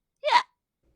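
A single abrupt, high-pitched voiced 'hic' lasting about a quarter second, typical of a hiccup.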